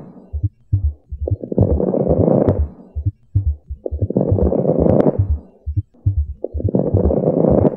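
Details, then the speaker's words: Acute decompensated heart failure, heart and lung auscultation: fast low heartbeats under noisy breaths about 20 a minute, with crackles (rales) at the lung bases. "you want to hear heart failure this is what a person's heart and lungs sound like in acute decompensated heart failure"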